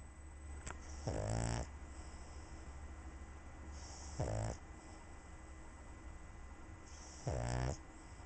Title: Pug Snoring with Cat